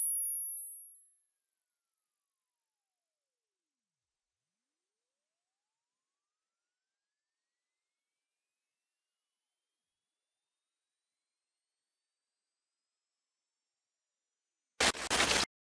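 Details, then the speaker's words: Steady continuous pure tone sweeping upward in pitch until inaudible, with matching age numbers displayed, then silence and brief music: an approximate age-based high-frequency hearing test, not a medical test. "इस earring test में एक continuous sound play होगा और उसके corresponding आगे numbers display होंगे"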